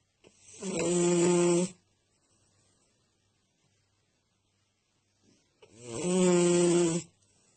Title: snoring